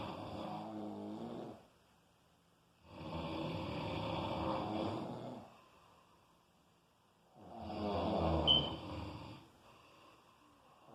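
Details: Loud, rough, rattling snores with quiet gaps between them, about 15 a minute; heavy snoring during sleep.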